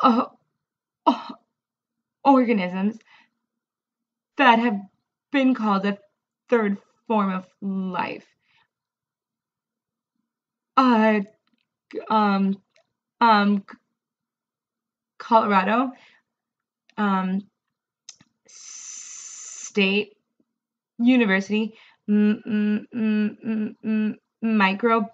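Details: Adult woman who stutters, reading a passage aloud; she reports struggling a lot with this reading and more stuttering when reading because covert avoidance strategies are unavailable; stuttering.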